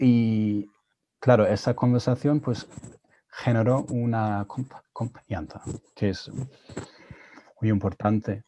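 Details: Adult woman who stutters, speaking Spanish on a conference panel about stuttering and learning English as a foreign language; stuttering.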